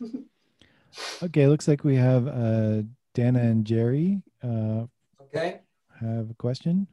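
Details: Adult male speaker; ordinary speech.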